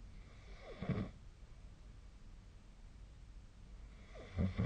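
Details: Snoring during sleep: two short, low, rattling breath noises about three and a half seconds apart over quiet room noise.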